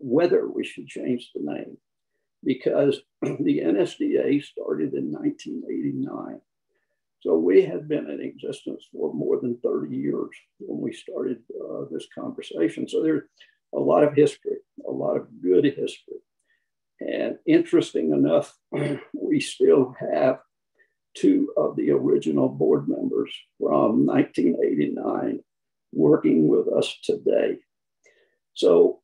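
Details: Spasmodic dysphonia in an adult man who counts himself among people with SD.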